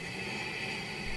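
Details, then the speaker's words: Steady airy hiss with a faint low hum: the continuous blowing of a CPAP machine used to treat sleep apnea. "that's the sound of a CPAP about half of the people who are prescribed to sleep happened don't like it and don't use it"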